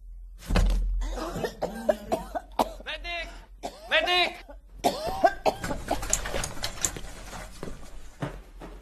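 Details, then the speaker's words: Adult woman gives an exaggerated, theatrical acted cough with strained vocal sounds, demonstrating a "shock value" cough made for dramatic audience impact. "number one ubong shock value Sakto lang ang kah pero idadaan mo sa paglupig for audience impact"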